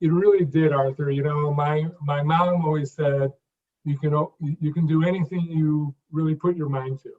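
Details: Adult who stutters and worked on his speech in his mid-50s, speaking in conversation; real, not acted: stuttering.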